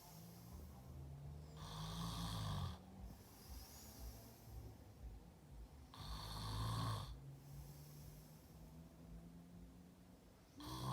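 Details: Brother snoring in sleep: loud, low rattling snores on each in-breath, about 15 breaths a minute, with quiet breathing between; ordinary heavy snoring.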